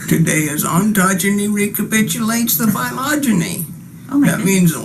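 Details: Spasmodic dysphonia, chronic constriction variant: a consistently strained, strangled voice pattern, often confused with muscle tension dysphonia; finding: spasmodic dysphonia, chronic constriction variant.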